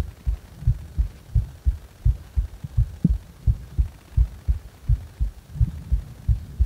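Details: Heart sounds recorded while the person felt discomfort in the heart: steady, low, paired thumps at about 85 a minute.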